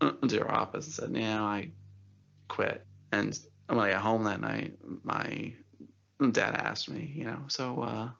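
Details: Adult man who stutters and had speech therapy at school at age eight; he reports never stuttering while singing. Stuttering.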